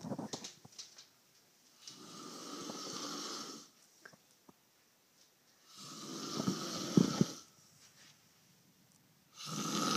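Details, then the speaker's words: Loud snoring from a sleeping man in a quiet room: about three long, rough, rattling breaths spaced by pauses, with a few soft clicks between them; ordinary snoring. "all right ricky's snoring right now and he's a little loud"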